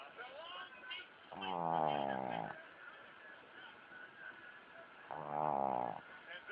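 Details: Snoring from Tumble, a pug (flat-faced dog): two long, buzzing, vibrating snores about four seconds apart with quieter breathing between.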